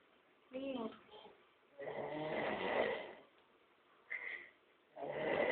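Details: Three rough, rattling breath noises at irregular intervals over about five seconds; snoring.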